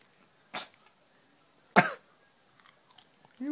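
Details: Cat sneezing repeatedly and randomly: two brief, sharp sneezes in a quiet room.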